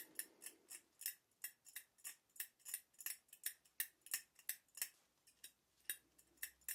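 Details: Simulated ASMR dental cleaning role-play for a nervous patient needing scale removal after a checkup: rapid light metallic picks and scrapes, about three a second, from a hand scaler on an area with heavy buildup.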